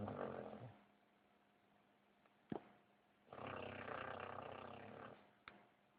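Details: A dog snoring in sleep: two drawn-out rattling snores a few seconds apart, with short clicks between them.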